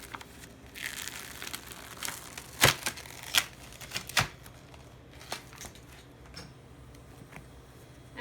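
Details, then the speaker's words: Simulation of peeling the white adhesive paper backing off Arctic Sun 5000 gel pads before applying them to a patient for a therapeutic hypothermia protocol: crinkling and tearing paper sounds with light room noise. "apply them to your patient by peeling back adhesive white adhesive paper on them"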